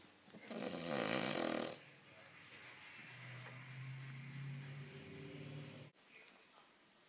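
A loud, rough rattling snore in a sleeping dog, then a lower, softer breath sound before a sudden stop.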